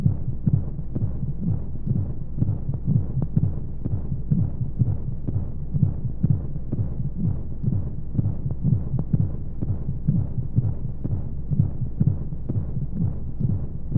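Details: Womb-sound sleep aid for babies: steady, muffled low heartbeat thumps at about 125 a minute over a constant whooshing white-noise hum, as heard inside the womb; heartbeat.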